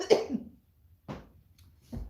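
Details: One short, loud cough, then two fainter throat-clearing sounds in a quiet home kitchen during a cooking livestream; cough.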